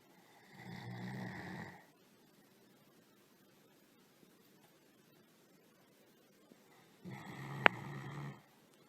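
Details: Sleeping GSD dog snoring: two drawn-out, low, rumbling snores about six seconds apart, with silence between.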